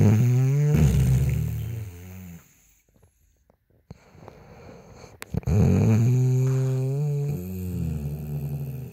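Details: Woman snoring: two long, loud, rattling snores on breathing in, separated by a quiet pause with faint breath noise.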